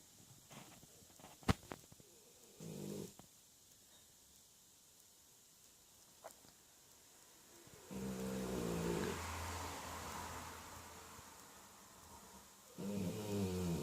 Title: Labrador dog funny snoring !!!